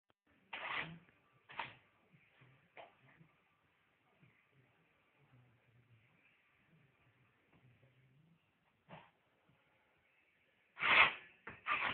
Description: funny sneezing cat :)